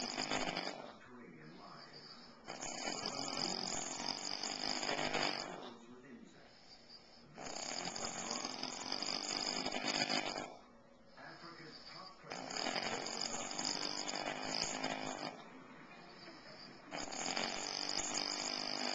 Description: My dad snoring like a fucking animal